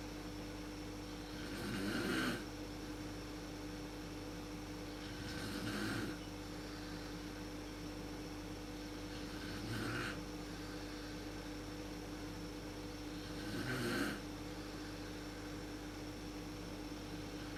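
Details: Mother snoring in the dark, worst at sleep onset, recorded with a PowerShot SX130 IS camera: regular rasping snores about every four seconds, roughly 16 a minute, over background hum.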